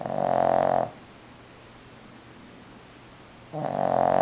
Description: Jasper is snoring